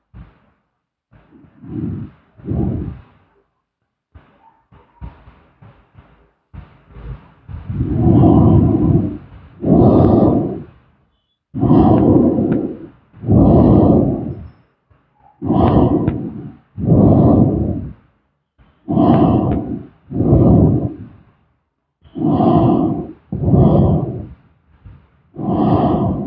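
Loud, rough, low-pitched snores repeat in a steady breathing rhythm, often on both breathing in and out.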